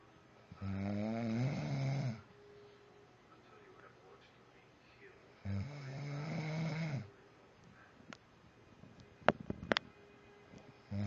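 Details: A husband snoring during sleep: two loud, rough, rumbling snores on breathing in, separated by quiet pauses, with a few faint clicks near the end.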